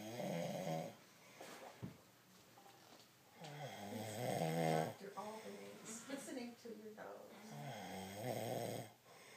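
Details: Man asleep with loud, irregular rattling snores, about 15 a minute, with some voiced snorting; family wants his septum fixed to stop it; snoring.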